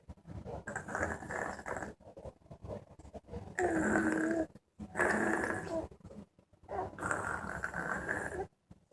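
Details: Heavy snoring while rolling: loud, rough, rattling breaths in long bursts with short pauses between them.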